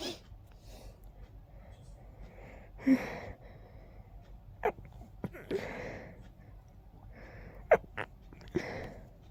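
A run of about five forceful sneezes in quick succession, with snuffly, congested breathing and sniffs between them: a sneezing fit with a blocked nose.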